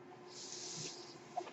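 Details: Soft airy hiss swelling and fading over about a second, like air pushed through tubing: the speaker's own mechanical ventilator delivering a breath as they talk.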